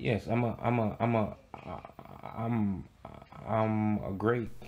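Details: Man acting a stutter in a comedic skit of a phone job interview: stuttering (acted).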